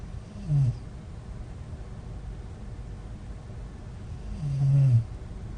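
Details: Two low, rumbling snores about four seconds apart, with quiet room noise between them, from a woman who snores, on days 8–9 of doing aiueo mouth exercises to improve snoring; she reports recent severe teeth clenching; snoring.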